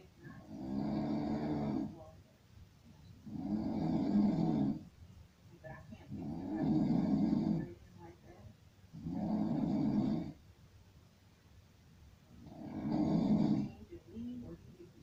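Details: Regular rattling snores on each in-breath, about 20 breaths per minute, with quiet gaps between; ordinary rhythmic snoring.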